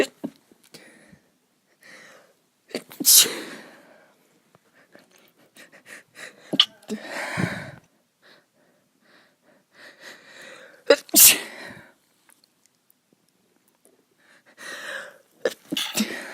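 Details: Several forceful sneezes from an adult female with sharp in-breaths beforehand, some stifled and muffled; her nose has been itchy lately.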